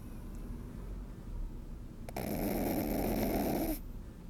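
A brief fluttering snore in a sleeping puppy, over low room noise.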